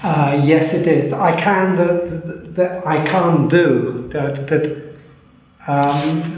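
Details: Man with aphasia for three years after a stroke, right arm weak from the stroke, talking difficult but writing easier; non-fluent post-stroke aphasia.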